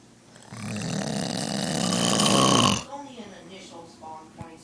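One loud, harsh, rasping snore lasting over two seconds, followed by quieter breathing noises; heavy snoring.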